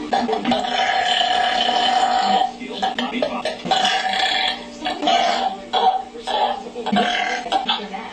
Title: Burping Girl Collection